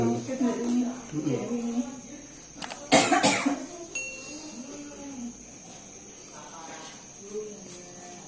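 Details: A brief burst of two or three harsh coughs amid talk and background music, from a patient with cough and acid reflux being seen at home by an alternative-medicine healer.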